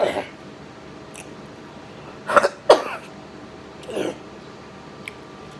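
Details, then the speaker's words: Three or four short, harsh cough bursts in a quiet room from an adult eating, set off by food too spicy going down the throat, not salt. "It wasn't necessarily coughing from the salt. It just was too spicy."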